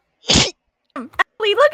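A single sharp, hissing sneeze burst, followed by brief squeaky vocal sounds; a sneeze.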